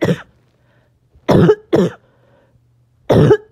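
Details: Child with a barking cough on and off all day; four harsh, low-pitched cough bursts.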